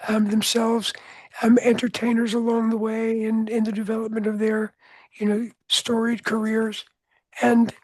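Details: Adult male with altered voice from throat cancer, treated with surgery, radiation and two years of experimental chemotherapy; no recurrence since.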